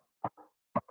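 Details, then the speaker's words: Nurse vocally imitates the Korotkoff sounds heard when deflating a blood pressure cuff, as advice for a nursing assistant certification exam: two short tapping beats, each followed by a softer trailing sound. "You have to go by the Korotkoff sound, that, or maybe it sounds like a whoosh, whoosh, whoosh, or it can sound like"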